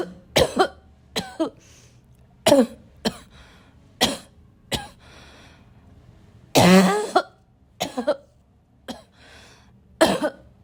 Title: loud (barking) coughing fit